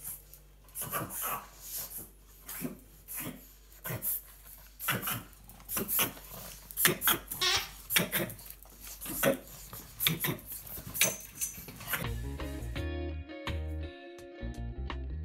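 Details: A pug makes rapid, repeated snorting inhalations; owner first thought she was choking, rubbing chest and neck did not stop it; reverse sneezing, before music begins.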